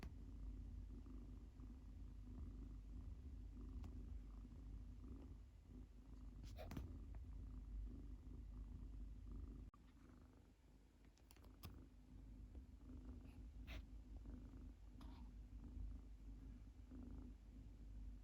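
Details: Soft, steady low rumbling, closer to purring or gentle snoring, from a sleeping female Munchkin kitten lying with her legs stretched out, with faint room noise.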